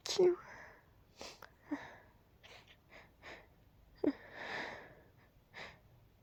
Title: Stifled quiet sneezes 🤧